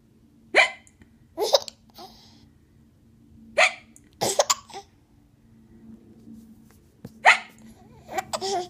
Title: Hiccups!